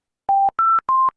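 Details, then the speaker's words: Ventilator high-priority alarm on a patient in pressure control ventilation, showing low tidal volume and high respiratory rate: three quick electronic tones rising then falling in pitch, calling for immediate bedside attention. "when you get an high high priority alarm like this never switch off the alarms"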